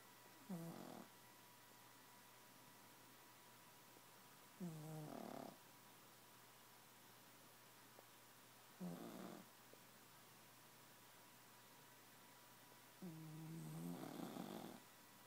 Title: snoring pug